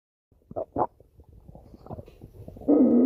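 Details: Stomach growling (borborygmi): low gurgling rumbles with a few louder squelches and a longer groan at the end.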